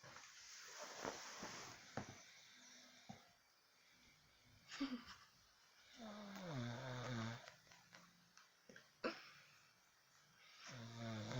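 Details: Rough, rattling adult snoring with buzzing, tonal breaths separated by quieter pauses, in a small room; the snorer is the recorder's mother.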